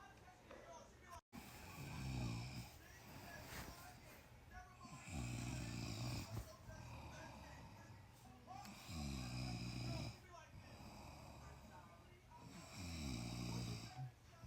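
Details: Husband snoring: loud, rattling low snores with each breath, about 16 a minute, separated by quieter breathing in a quiet room; ordinary snoring.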